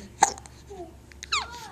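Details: Child laughing while having hiccups, recorded May 2012 on a Flip Video camera in a small room: brief sharp hiccup catches mixed with babbling laughter; hiccups during laughter.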